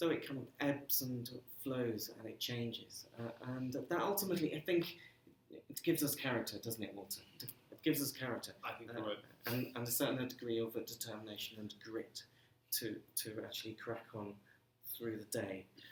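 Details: Stammering in an adult man who says he has been "breaking up" on the phone for 30 years; stammering.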